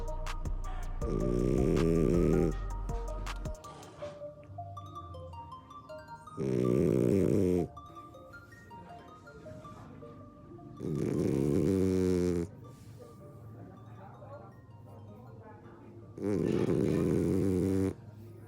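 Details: French Bulldog snoring while asleep: loud rattling snores about every 5 seconds, roughly 12 breaths a minute, with soft music in the background.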